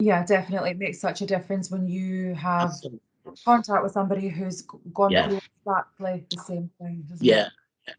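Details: Adult woman speaking; typical voice.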